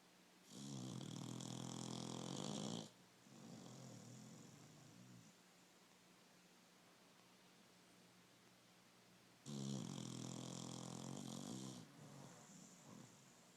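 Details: Beagle dog asleep, snoring: loud rattling snores, each about two seconds, with a hissing whistle on the inward breath, separated by quiet exhalations.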